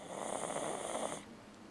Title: Snicker snoring.